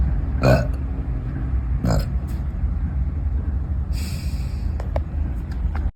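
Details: Two loud, low gulping burps in quick succession from a girl after eating, then softer throaty sounds, over a steady low rumble.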